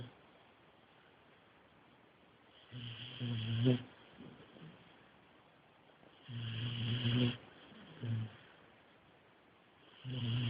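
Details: Male sleeping deeply after medication, snoring loudly: deep, low rumbling snores with short snorts in between, about 17 breaths a minute.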